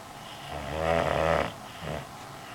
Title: Sir Snore-a-lot